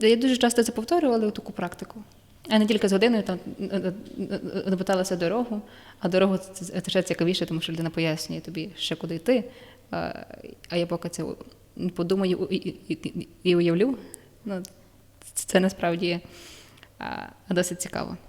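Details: Adult woman who stutters, stuttering worse when nervous, with blocks and filler sounds; stuttering.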